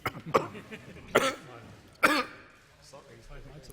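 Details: Adult man, Australian treasurer, gives several sharp coughs and throat clears interrupting his parliamentary speech, with a tickle in his throat, pausing for water; he was afterwards tested for coronavirus.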